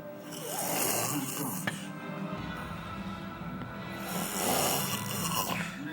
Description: The snoring monster awakens